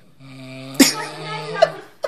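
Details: A man asleep and snoring: a steady, drawn-out buzzing breath broken by a sharp snort partway through.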